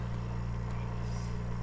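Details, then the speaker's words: Oxygen concentrator (93% purity, with timer up to eight hours) supplying an incubator via hose: steady low mechanical hum of the concentrator running. "if you leave it set for eight hours you just turn it on and it runs for the eight hours it turns off"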